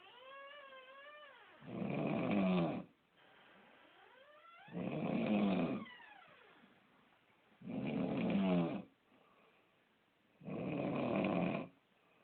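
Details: Four loud, harsh rattling snores at about 20 per minute, with softer whistling breaths between them; snoring.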